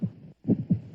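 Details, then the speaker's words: Dramatic sound effect in a TV crime drama intro: a low thudding heartbeat with two paired beats, not a real recording. "sound you hear is a heartbeat a heartbeat that held together a fantastically powerful organization dedicated to big business the big business of crime"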